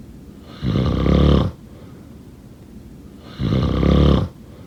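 Two loud, rough, low snores on breathing in, about 21 breaths a minute, with quiet breathing out between them: ordinary snoring.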